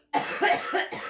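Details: Girl coughing while smoking: a short run of three or four harsh cough bursts.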